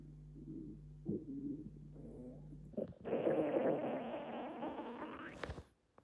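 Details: Low gurgling rumbles rising into a long, loud growl from an empty stomach after about 48 hours without eating; loud hunger stomach growling (borborygmi).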